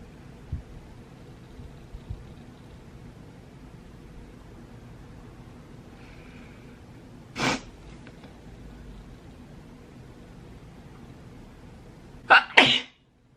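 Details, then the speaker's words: Woman piercing her own nose: quiet room noise broken by a single sharp burst, then a quick double burst at the end; sneezing. "I really should probably stop sneezing."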